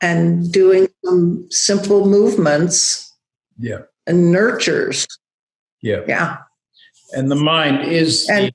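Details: Adult woman with aphasia after a stroke, still losing words she knows but cannot connect to, recovering while rehabilitating; aphasia.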